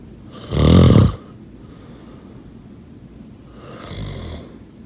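One loud, rattling, low-pitched snore on breathing in, then a softer, fainter snoring breath a few seconds later. Snoring during sleep.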